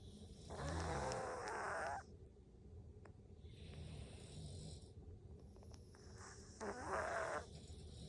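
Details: Cat snoring, a sleeping cat recorded snoring.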